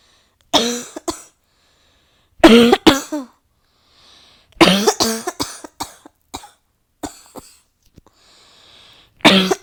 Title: Nonstop coughing fit…